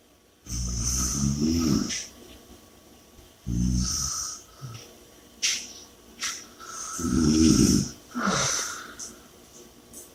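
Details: Audio recording of snoring with heavy breathing: loud, rumbling snores on the in-breath with heavy, noisy breathing between, about four breath cycles in ten seconds; snoring.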